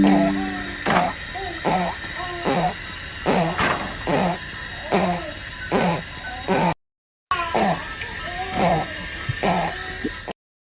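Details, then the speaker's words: A young infant's rapid, harsh, high-pitched noisy breathing from the throat or voice box, in a newborn or a baby in the first months of life: infant stridor. "काही वेळात की बाळांना एक जन्मता किंवा जन्मानंतर काही दिवसानंतर एक आवाज येतो घशामध्ये किंवा स्वरत्रामध्ये ज्याला स्ट्रायडर असं म्हटलं जातं तो आवाज अशा प्रकारे असतो"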